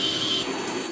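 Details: A child demonstrates a mechanical insufflation-exsufflation (cough assist) device, counting 1–4 for each inhale and exhale phase; steady rushing airflow with a faint machine whine as the device pushes and pulls air.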